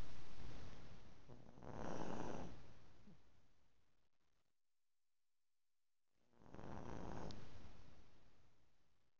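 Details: Two slow, rough, rumbling breaths separated by a silent pause, one every few seconds, from a sleeping chihuahua; snoring.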